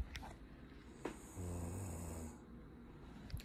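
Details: Nine-year-old boy snoring during a growth hormone stimulation test for suspected growth hormone deficiency.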